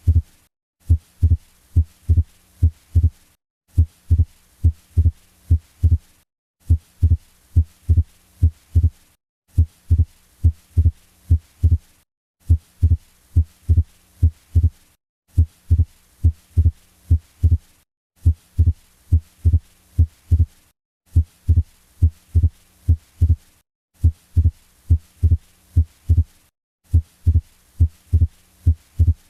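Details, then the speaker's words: Regular heart sounds heard with stethoscope, with a clearly doubled second sound that stays split throughout: fixed wide splitting of S2. "This sound is produced when there is Fixed Wide Splitting of S2"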